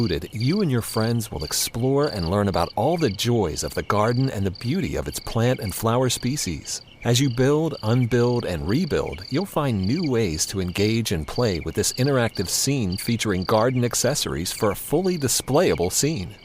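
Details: Adult male narrator; normal voice.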